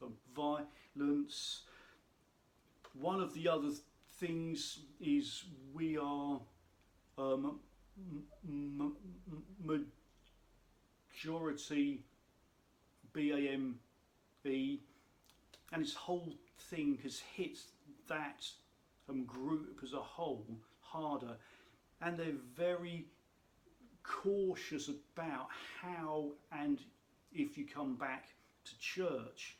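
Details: Adult man who states he has a stammer, which he says can be heard in his speech; stuttering.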